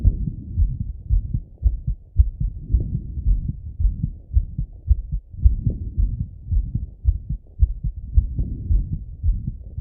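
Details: Male self-auscultating his heart with a stethoscope after a workout set: fast, regular heartbeat at about 110 beats a minute; normal heart sounds with a rapid rate after exercise.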